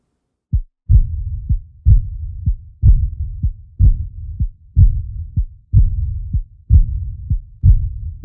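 Regular heartbeat at about 62 a minute with a soft blowing, fading murmur after the second sound each beat: an early diastolic murmur of aortic regurgitation.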